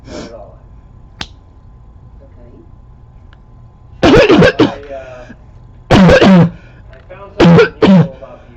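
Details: Three loud, harsh coughs with a hoarse barking quality after a quiet stretch, recorded close up in 2014 from a person with a long-standing recurring barking cough; a barking cough.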